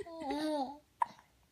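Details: Hiccups in a child: a short vocal sound, then one brief sharp hiccup.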